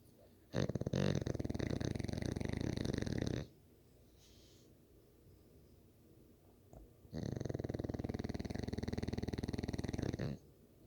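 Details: Snoring bully (dog): two long, loud rattling snores in a quiet room, each about three seconds, with a pause between them.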